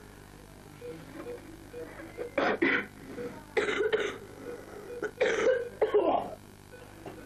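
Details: Productive cough in a child with severe asthma during respiratory physiotherapy: several short, loose cough bursts in pairs after forced breaths out, over steady room hum, bringing up secretions.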